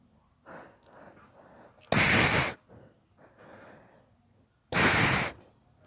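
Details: Child (daughter) with allergies: two forceful sneezes in quick succession, each preceded by catching, stepped in-breaths; part of a rapid allergic sneezing fit.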